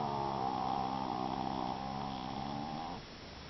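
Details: Japanese Chin (small flat-faced dog) snoring while asleep: steady, rattling, buzzing breath noise over about three seconds, a continuous snore.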